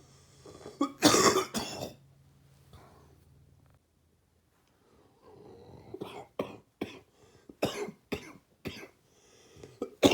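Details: Adult wet, gaggy cough during a cold at the end of summer or start of fall: two bouts, a harsh opening burst then a run of short coughs.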